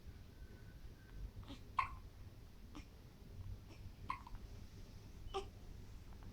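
Soft, brief hiccup sounds about once a second over quiet room noise, typical newborn hiccups.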